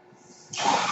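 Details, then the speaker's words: The speaker's own mechanical ventilator, heard during a spoken podcast recording: a faint low hum, then a sudden rushing hiss of air as a breath is delivered, mechanical ventilator noise. "that noise you hear is my ventilator"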